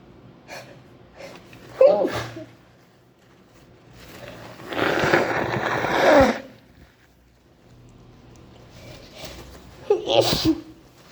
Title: AHH.. CHEW, SICK, VARIETY SNEEZES. #allergies #cantstopsneezing #sneezing #imgonnasneze